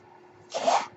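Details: A single soft half-second whoosh of air rising out of a quiet room, from the speaker's mechanical ventilator delivering a breath.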